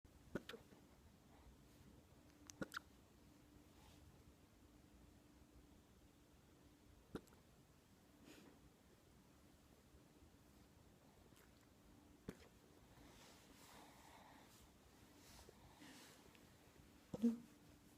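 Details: 10-week-old working cocker spaniel puppy with hiccups: faint, sharp clicks at irregular intervals, about six in eighteen seconds, in a quiet room.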